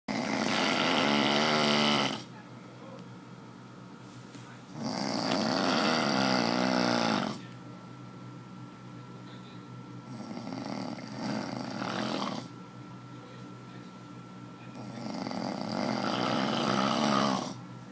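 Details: Person asleep snoring: four long, loud, raspy snoring breaths in a steady rhythm, about 13 per minute.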